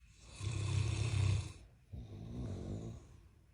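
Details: Giant Mastiff puppy and husband snoring very loudly: two loud, low, rattling snores, each about a second and a half, with a brief quiet gap between them.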